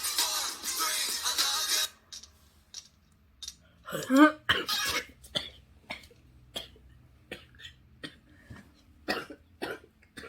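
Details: Coughing fit during a music-video reaction: music, then a run of short, repeated coughs with gasps between them.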